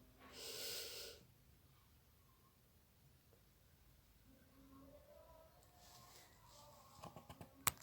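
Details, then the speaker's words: Nursing student demonstrates diaphragmatic breathing for effective cough, one hand on the chest and one on the abdomen. One long, deep breath of rushing air, then quiet room sound. "Adapun teknik batuk efektif yaitu pernafasan diafragma dan Disini saya akan mempraktekannya satu tangan di atas dada dan satu tangan lagi di perut"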